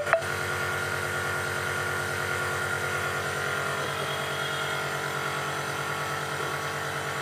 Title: dog nebulizer 👍